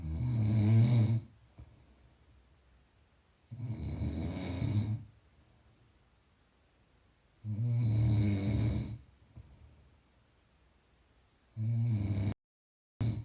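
Loud, low rattling snores on each breath in, about 16 a minute, with quiet breathing out between them.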